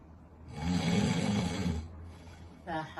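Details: Acted snoring for a comedy sketch: one loud, rough, rattling snore on breathing in.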